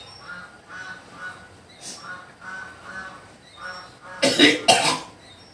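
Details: Patient from Magelang on a second visit for alternative nerve-pressure treatment, with stomach acid and a phlegmy cough: quiet murmuring, then two loud, rough coughs close together, a cough with phlegm.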